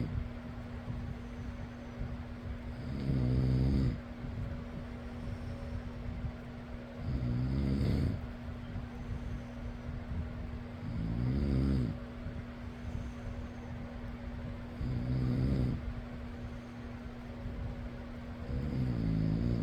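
Five low rattling snores, one roughly every four seconds, about 15 a minute, over a steady fan hum.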